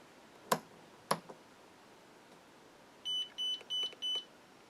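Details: Zoll defibrillator in NICU/PICU configuration: two clicks then four short high-pitched beeps as it powers on, defaulting to pediatric mode with 1 joule selected.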